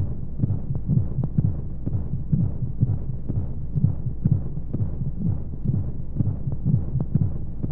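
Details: Womb-sound baby sleep aid: muffled whooshing heartbeats repeating steadily over low rushing white noise; heartbeat as heard inside the womb.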